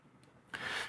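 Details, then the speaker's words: Hip crepitus imitated to illustrate a man in his 30s whose hip pops intermittently each time he rises from a chair: a brief rasping, grating noise. It is usually harmless when painless, from muscles or ligaments moving around the joint. "So, if there is no pain and there is only a popping sound, you do not need to worry too much. Well, things like muscles and ligaments may move around the joint, causing a crepitus sound like this."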